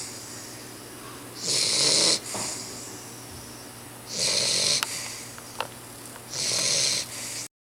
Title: The dog snores!!